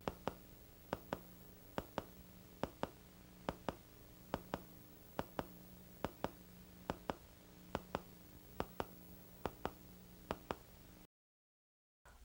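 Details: Needle EMG showing cardiac pacemaker artifact from a single and a dual pacemaker: regular paired sharp clicks about 70 a minute over a steady hum, with steep positive deflections.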